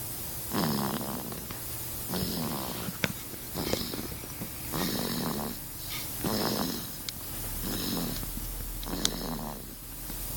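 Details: Sleeping baby boy snoring: soft, rattly snores with each breath, about 40 a minute, over a steady background hum.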